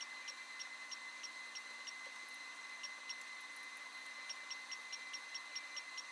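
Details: Radiofrequency microneedling, a physician treating his own face, handpiece with 25 fine needles: short high beeps repeating steadily about 95 a minute over a constant electronic whine as it fires.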